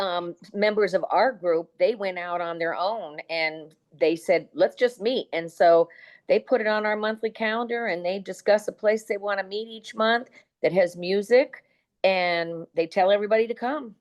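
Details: Adult woman speaking; no disorder.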